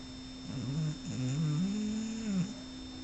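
Low, drawn-out vibrating snore with a rising and falling pitch, over a steady humming background. A dog snoring.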